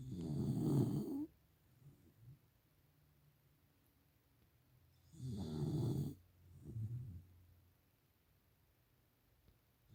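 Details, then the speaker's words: Dog snoring in the background, sleeping next to the speaker after getting too excited; snoring. "I'm deeply sorry if he hear the dog snoring in the background but as usual she wanted to be here got too excited and now she sleeps here"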